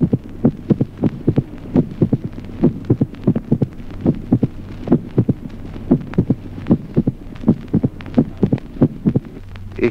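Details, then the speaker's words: Irregular heartbeats in slow atrial fibrillation with a sharp early-diastolic click well after the second sound: a long-interval mitral opening snap. "ejemplo 16to chasquido de apertura mitral de Gran intervalo en la fibrilación lenta"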